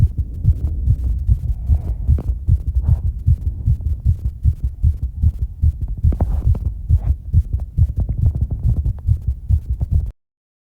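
Very fast, pounding heartbeat with heavy breathing, a rapid rate typical of recovery after hard exercise.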